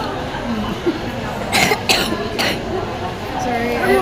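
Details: A person coughs while eating a fast-food meal; cough.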